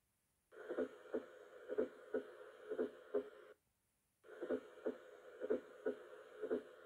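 Regular heartbeat near 60 a minute, each beat led by a faint extra sound just before the first heart sound.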